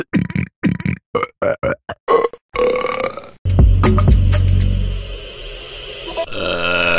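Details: Rapid run of short, gulping burps, then a long, deep burp, from a compilation of funny burp sounds with electronic music in the background; burping.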